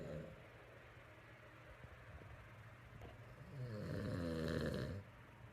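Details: An adult man, asleep, recorded during a reality show: a low, rattling nasal snore builds on an in-breath over quiet room noise; snoring from vibration in the nose and throat during sleep.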